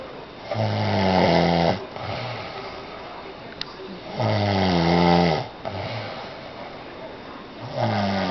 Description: My husband always tells me he doesn't snore but now I have my proof.